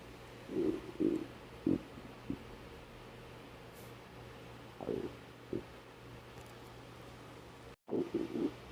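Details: Several low gurgling rumbles in a quiet room from the empty stomach of a person who has been doing homework without eating since morning: hunger-related stomach growling (borborygmi).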